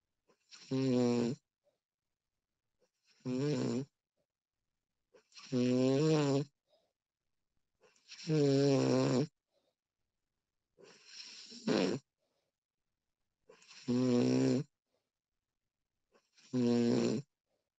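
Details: Female snoring during sleep, professionally recorded: regular tonal snores about every two and a half seconds, roughly 24 breaths a minute, with quiet pauses between.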